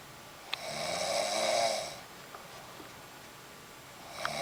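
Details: An adult woman deeply asleep in bed makes one long, buzzing, somewhat whistling breath sound lasting about a second and a half, then quiet. Gentle snoring during sleep.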